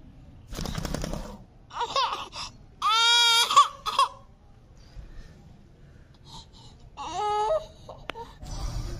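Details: Baby weeping sounds with a parrot present: short wailing cry bursts with breathy sobs and pauses in a small room, possibly imitated by the parrot.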